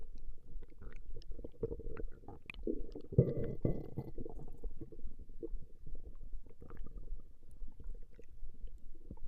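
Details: Recording of a woman's stomach growling: continuous low gurgling and rumbling from the belly with a few louder bubbling rolls; ordinary borborygmi.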